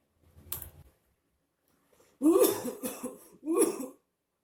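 A single soft cough, a pause, then a run of three harsh coughs in a quiet room.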